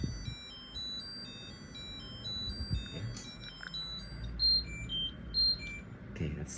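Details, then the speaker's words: Terumo TE-LF600 infusion pump with drip sensor alarming for abnormal flow during a bolus, read as an error from flow too fast; unstable-drip warning follows. "Aliran abnormal karena dia kira error, terlalu cepat ini ya."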